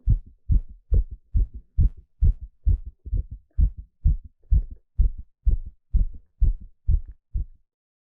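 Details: Fast, steady heartbeat of about 128 a minute, each beat a clear double thump, live heartbeat sound during an ECG stress test; normal heart sounds at a raised exercise rate.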